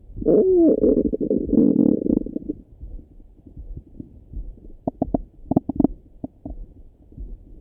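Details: Person's own morning stomach rumbling: a long gurgling rumble, then scattered short bubbly pops and squelches, ordinary active bowel sounds (borborygmi).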